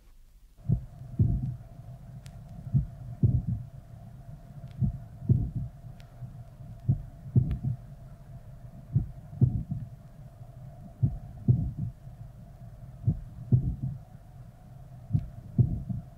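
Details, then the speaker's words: Recording at the lower sternal border, played at half speed. Loud first sound, then a loud late systolic click-like sound. A late systolic murmur fills the interval from the click to S2, and both components of S2 are heard: late systolic click with late systolic murmur. "here is the same recording played at half speed the first sound loud late systolic sound late systolic murmur and both components of the second sound should all be heard"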